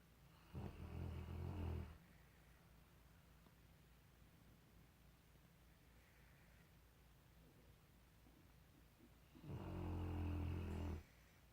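Two deep, rumbling snores about eight seconds apart, roughly seven or eight breaths a minute, with quiet between them.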